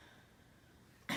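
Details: A 69-year-old man admitted with shortness of breath and a productive cough coughs during a respiratory assessment while the chest is auscultated; he has SpO2 88% on room air, is on oxygen at 2 L/min, and wheezing is noted.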